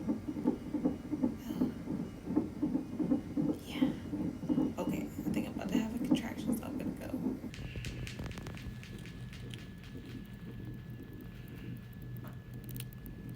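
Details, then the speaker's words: Strong fetal heartbeat on a fetal monitor during labor; fast, regular whooshing beats at about 158 a minute. The nurse noted the baby moving all over. "Um, you all can hear their heartbeat in the background from the monitor is so strong."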